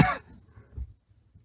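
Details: A K-pop singer with a cold, during a live broadcast: a single sharp cough followed by a faint throaty rumble; an isolated cough.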